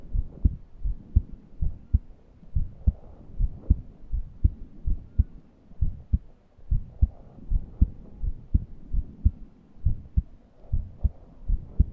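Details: A person who could not breathe deeply and felt suffocated: steady low heartbeats at about 105 a minute, with a faint whistling wheeze underneath; heart sounds with wheezing.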